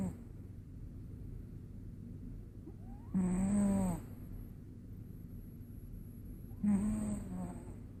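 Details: Cat snoring loudly, two low rattling snores a few seconds apart while sleeping; may have had a little cold.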